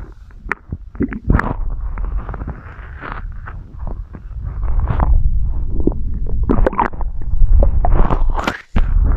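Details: Low rumbling and gurgling with irregular pops and squeaks; stomach growling (borborygmi).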